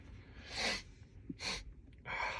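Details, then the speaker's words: Repeated sneezing in someone sneezing nonstop while sitting on a sunny day with neighbors mowing lawns: three sharp, hissing bursts of air in quick succession in a quiet room. "excuse me this kid dude can't stop sneezing my goodness"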